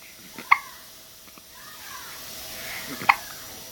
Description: Days Old has the hiccups.